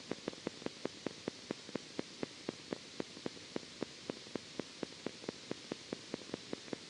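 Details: Needle EMG recording: endplate spike, a spontaneous waveform.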